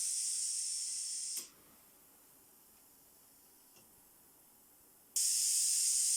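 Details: Pressure testing of a low-cost COVID-19 mechanical ventilator prototype using pneumatic valves: loud hissing gas flow stops with a valve click, then near silence about four seconds before hiss restarts; pneumatic valve cycling.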